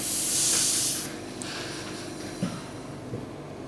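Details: Oxygen concentrator running: loud burst of hissing airflow fading into a steady low hum with soft hiss, its normal running sound.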